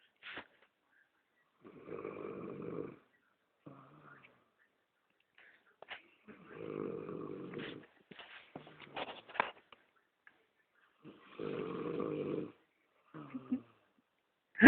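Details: Adult man snoring during sleep: three rough, rattling snores about every five seconds, with snuffling and small noises between them in a quiet room.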